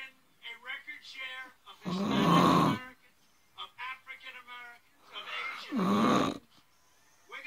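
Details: Two loud, rough, rattling inspiratory snores, each about a second long, with quieter breathing between, from a person filmed by a friend while asleep; snoring during sleep.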